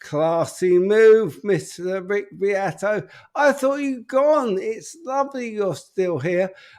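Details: Adult man with an upper motor neuron disorder affecting speech, progressively more evident and currently worse; real, unacted live speech showing upper motor neuron (spastic) dysarthria.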